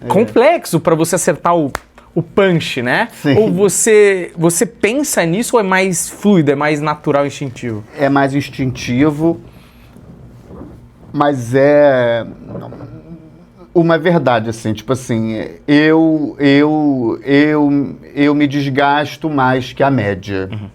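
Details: Adult male Portuguese-speaking comedian who has stuttered since childhood; stuttering runs in his family and comes and goes; stuttering.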